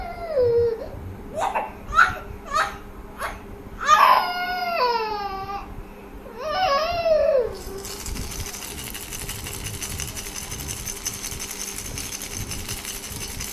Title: Cute 5 months old baby pretends to cry if rattle sound stops